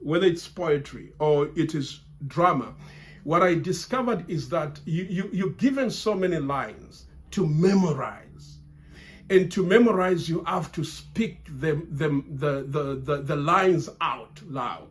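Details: Adult man who has stammered since childhood, largely overcome through reciting and memorizing lines from grade five, still stammering under stress or pressure; word and part-word repetitions; stuttering.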